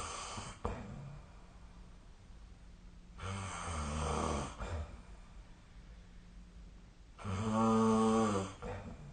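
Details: Snoring during sleep recorded with the SnoreLab app: loud rumbling snores on each in-breath, about 15 a minute, with quiet breathing in between.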